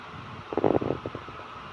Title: My stomach is begging for food (the sound of my stomach rumbling after fasting for 30 hours)